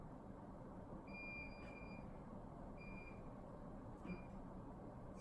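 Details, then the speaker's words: Infusion pump demonstrated while setting it up: repeated short high beeps over room hum, pump displaying downstream occlusion, a blockage between pump and patient such as a kinked line or bent arm; infusion pump occlusion alarm. "it's beeping and they don't usually tell you downstream occlusion what downstream occlusion means is that from the pump down something's blocking it"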